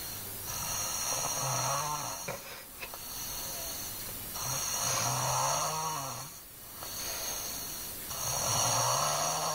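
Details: Snoring in an overweight Chinese boy: repeated rough, vibrating breaths at about 16 per minute, each a long rattling drone; steady snoring.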